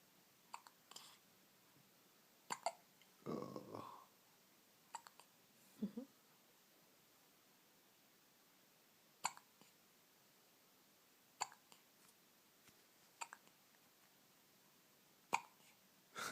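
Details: Baby with quiet, brief, sharp catches recurring every one to three seconds, about eight over sixteen seconds, with a soft vocal sound; infant hiccups.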